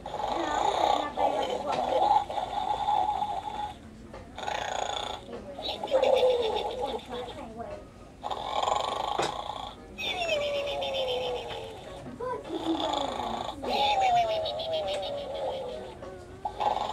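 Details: Sleeping pig snoring: loud rasping breaths repeating every couple of seconds, with faint background talk; snoring.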